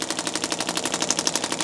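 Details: Rapid, regular sharp tapping pulses, about twelve a second, from a radial shockwave therapy device firing along the tendon of the lateral lower leg of an adult male chiropractor with a running injury from overtraining.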